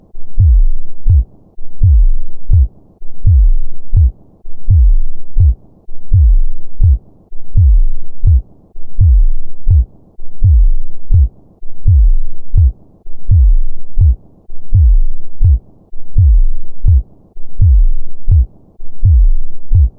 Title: Sleep Sounds .1 Hour: Heartbeat Sound of a Normal Heart and Pulse - BLACK SCREEN Sleep Video